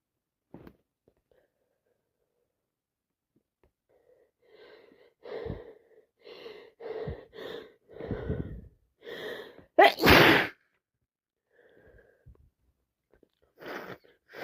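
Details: A run of about eight wet sneezes in quick succession with sniffing between; non-stop sneezing fit in a person with a cold plus allergies, real-time recording.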